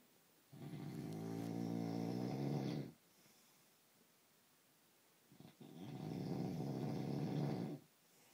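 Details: Husband snoring: loud, deep, rattling snores over two seconds each with quiet pauses between; harsh vibrating snoring, anti-snoring foam spray reportedly did not work.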